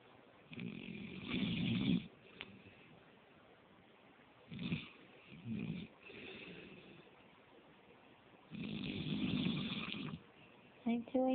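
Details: Person asleep on a couch, snoring: loud rattling snores on each breath in, about five breaths a minute, with quieter snorts between them.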